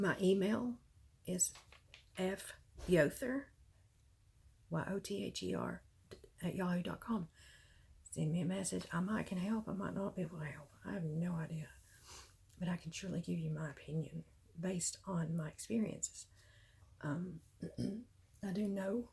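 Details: Dysphonia with a rough, creaky voice in an adult woman with myasthenia gravis, diagnosed May 2018 after about 6 years of illness and worsening despite medication; she says her voice is beyond raspy now from fatigue, throat weakness and spasms.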